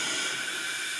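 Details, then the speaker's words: BiPAP machine running in bilevel mode in a pediatric device demonstration: continuous steady airflow hiss. Pressure rises on each inhalation and drops on each exhalation as the subject breathes. "how the dial drops right so when you're breathing in our protocol is going to be for Pediatric 10 over 5 every time you breathe in it'll be 10"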